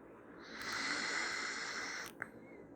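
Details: Snoring from Max, a sleeping dachshund puppy, snoring for the first time: one long, airy hissing nasal breath ending in a soft click.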